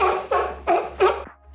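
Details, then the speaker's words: Four quick, harsh, barking coughs with a hoarse, seal-like tone; croup cough, a usually viral infection of the upper airways including windpipe and voice box. "CP is usually a viral infection that affects the upper Airways this can cause a barky cough that can sound like a"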